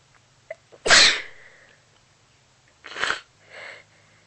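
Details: Amateur sneezing: a sharp, loud sneeze after a quick intake of breath, then a softer second sneeze-like burst and a breathy exhale.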